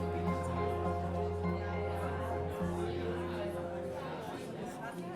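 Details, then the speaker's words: Simulated age-related hearing loss (presbycusis): muffled, indistinct conversation blended with background noise and music, showing loss of high-pitched sounds and poor separation of speech from noise. "así suena aproximadamente una conversación para las personas con alguna pérdida auditiva relacionada con la edad y así la misma conversación para un niño o una adolescente"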